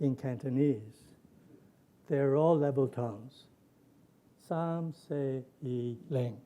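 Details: Lecturer reading aloud a Wernicke's aphasia patient's sample from a published paper; fluent jargon speech with non-words and neologisms following English grammar. Wernicke's aphasia (fluent jargon speech), imitated.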